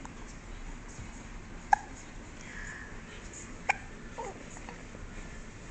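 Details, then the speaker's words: Baby with repeated hiccups: two sharp, brief hiccup sounds about two seconds apart against quiet room noise; hiccups. "You got hiccups? You got hiccups again. Oh my goodness."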